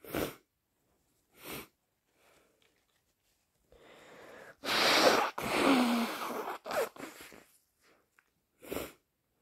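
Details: Sneezing during a cold: several forceful, wet, explosive sneezes and a long snotty nose blow, with quiet gaps between them.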